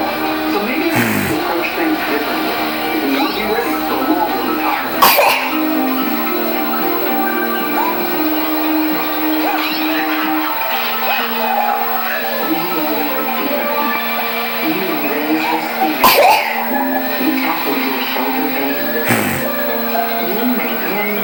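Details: Four abrupt, isolated single coughs breaking through steady television talk and music; coughing tics.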